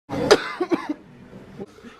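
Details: A person coughing: one loud, harsh cough followed by a few weaker coughs, fading over two seconds.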